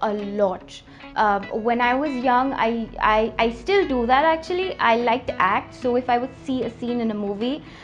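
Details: Stammering since early childhood in an adult woman; audible word repetitions.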